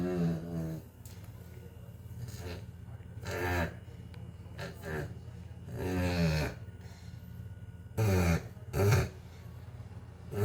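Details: Chow Chow dog snoring; deep, rattling snores with a growl-like quality, several in a row at an uneven pace.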